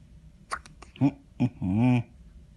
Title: New born niece hiccup